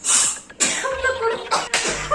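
Several sharp, hissing bursts of air in quick succession, about four in two seconds: a run of sneezes.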